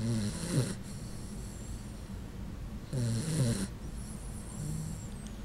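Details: Sleeping Puggle dog snoring with a human-like sound: two loud rattling snores about three seconds apart, with quieter breathing between.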